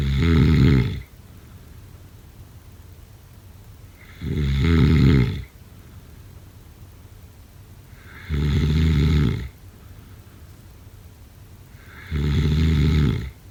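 Loud, deep rattling snores about every four seconds, roughly 15 breaths a minute, with quiet pauses between them: regular snoring during sleep.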